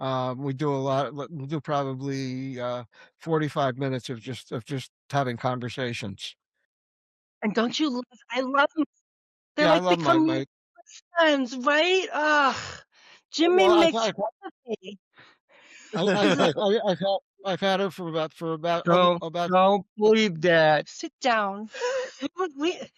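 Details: Adult woman, stroke and TIA survivor, diagnosed by a neurologist with expressive aphasia (Broca's aphasia).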